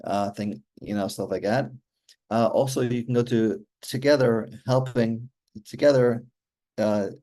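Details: Aphasia in an adult male stroke survivor with hereditary mitral valve prolapse, following a stroke during mitral valve surgery in 2007; communication remains hard for him.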